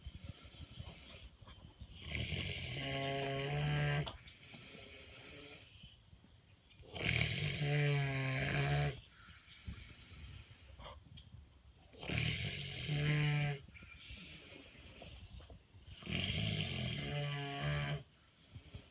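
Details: Pig snoring in a barn in the evening: four loud, buzzing snores with rattling inhalations and quieter exhalations, about 13 breaths a minute; steady snoring.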